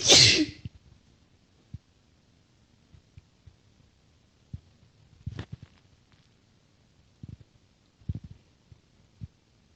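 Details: Single sharp, hissing sneeze at the start, followed by quiet rustling and faint clicks in a small room.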